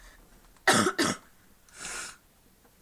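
Two quick, harsh coughs in a row, then a softer sniff or snort; a lingering cough after a recent illness.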